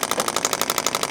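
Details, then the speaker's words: Rapid, even mechanical tapping at about fifteen strikes a second, like a massage gun, from a radial shockwave device starting at low pressure on the scapula, deltoid and trapezius region for shoulder pain. "um we're going to go ahead and fire it up so it does sound kind of like a a massage Thea gun you know a little bit of pressure at first"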